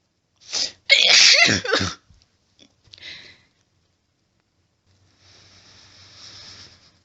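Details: Female, with an itchy, burning nose after stifling many sneezes, sneezing into a washcloth: a short intake, then a loud, explosive wet sneeze, a faint second burst and a sniff; louder and wetter than her usual sneezing.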